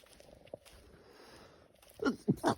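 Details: Person walking home outdoors from a New Year's party after many drinks, a usual trigger for their sneezing: three quick forceful sneezes in a row; sneezing fit.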